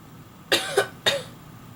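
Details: Two quick dry coughs from the owner followed by their cat's short meow in reply; the cat reportedly meows whenever this person coughs or sneezes: ordinary cough.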